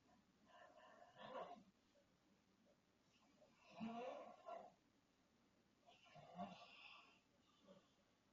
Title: 36 Y O WOMEN WITH A LOUD SNORE